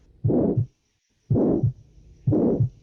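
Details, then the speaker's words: Three heart cycles, each with a harsh systolic murmur filling the gap between the first and second sounds, heard at the pulmonary focus. It rises then falls before the second sound and louder on inspiration: pulmonary stenosis systolic ejection murmur. "Entonces, como nuestro soplo es sistólico, se va a encontrar en esta parte. Y lo que vamos a escuchar es que sería el soplo y después el dub."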